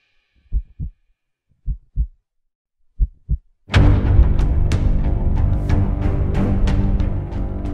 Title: EPIC-NEVER, Uplifting Epic Music Mix, HEARTBEAT SOUND